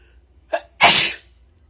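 A quick indrawn breath followed by one explosive, wet, spraying sneeze from an adult.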